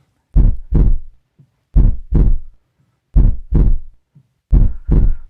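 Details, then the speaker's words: Normal first and second heart sounds, lub at the start of ventricular contraction and dub at its end as the valves close: regular paired low thumps at about 43 a minute. "तो ventricles की contraction के शुरू में लब और and पर dub. लब डप लव डब और यह आवाज कुछ यूं होती है।"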